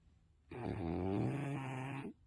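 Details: A sleeping English bulldog snoring: one loud, low, rattling snore lasting about a second and a half, with a rough vibrating tone.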